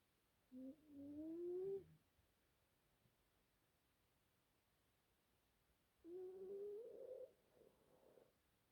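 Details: Yorkshire Terrier snoring: two drawn-out, whistling, tonal breath sounds in a quiet room; nasal whistling snore.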